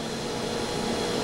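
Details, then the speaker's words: Demonstration of a linear accelerator rotating its collimator to a set angle to better protect an organ: a steady low mechanical whir and hum. "ele ele vai girar o ângulo do coordenador então de acordo com um caso cada casa é mais interessante que o aparelho esteja com esse giro de colima dor para fazer com que o proteja melhor um órgão"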